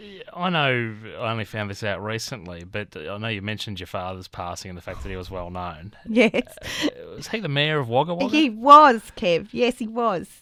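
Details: Adult interviewer in conversation, with a second adult answering; typical speech.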